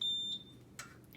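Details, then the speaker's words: BiPAP machine being switched on during setup practice: a brief high beep, then a soft click, as it powers on before entering spontaneous/timed mode. "it's just gonna make a few noises before it completely turns on"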